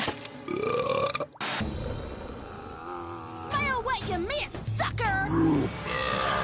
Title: Complete Female Animated Burp Compilation | Girl Burp 22